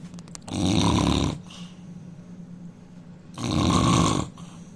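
Two loud, rattling snores on the in-breath, with quieter breathing in the pause between them, about one breath every three seconds.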